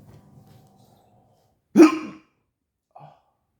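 One abrupt, loud hiccup with a short voiced catch, followed by a faint second sound in a quiet room.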